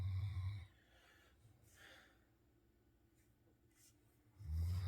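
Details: Two deep, low rumbling snores separated by a quiet pause: sleep snoring.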